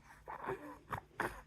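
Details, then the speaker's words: Noisy infant breathing with a mild wheeze and faint whistling tones. The baby was recorded that morning after an ER visit where he was diagnosed with bronchiolitis; he was also congested with sinus symptoms. "but when he breathes he's still a little Wheezy I don't know if he's wheezing right now still is a little bit"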